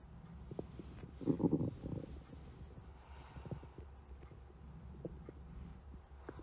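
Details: Stomach growling: a brief low gurgling rumble over faint background hiss, ordinary borborygmi.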